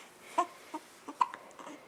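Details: Infant girl, 5 weeks and 3 days old, with hiccups: four short, abrupt voiced catches under two seconds in a quiet room.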